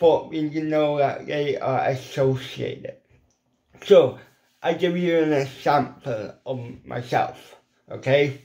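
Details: Adult man with ataxic cerebral palsy whose lip muscles are weak and cannot form the shapes needed for certain letters, a lifelong speech impediment: dysarthria (cerebral palsy)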